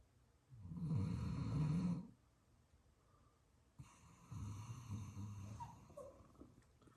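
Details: Sleeping Doberman snoring heavily, two loud, rough, low snoring breaths with a quieter pause between them; snoring.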